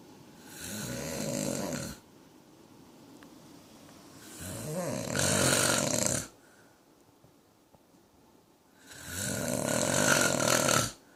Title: Snoring Man